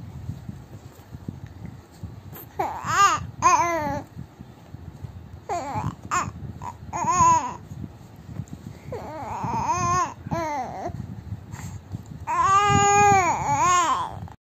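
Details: 3-month-old baby talking to mother: several drawn-out, tuneful coos and vowel-like babbles in a quiet room; normal early infant vocal development milestone.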